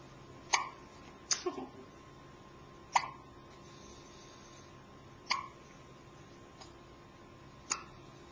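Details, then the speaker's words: Ordinary hiccups recorded on a Flip Video camcorder: sharp, brief hiccup sounds at irregular intervals, about five in eight seconds, over a steady background hum. "Just got a hiccup."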